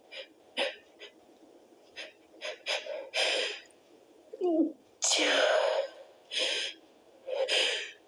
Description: i tried to stifle it , but some of them were to strong.